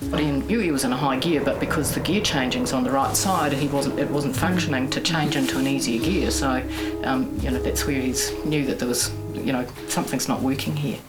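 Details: Adult male speaker; speech.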